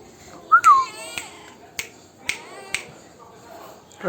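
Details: A kitten named Kasshh mews, then has several short, sharp, evenly spaced clicking hiccups, about four in three seconds, in a quiet room; cat hiccups.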